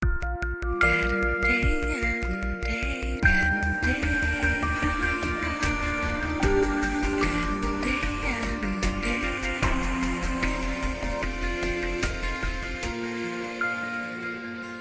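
Full-range electronic music with bright, clear treble and steady bass: the unfiltered reference for normal hearing at age twenty.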